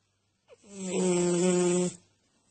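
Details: A sleeper snoring: one long, steady, buzzing snore lasting about a second and a half.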